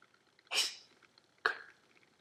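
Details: A dog making two short, sharp, hissing bursts of air through the nose about a second apart; a pair of sneezes.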